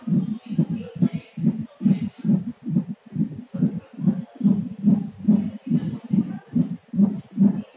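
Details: Fast, regular whooshing pulses at about 140 per minute heard through a Doppler monitor; fetal heartbeat at 9 months of pregnancy.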